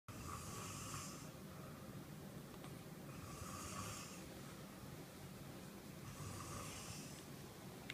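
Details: Father snoring during sleep: repeated snores with a hissing, rattling quality at about 20 breaths a minute over low room hum.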